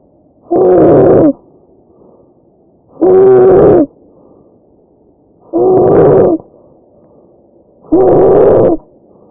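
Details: Tracheal stridor: loud, harsh, high-pitched musical noise with each breath, about 24 a minute.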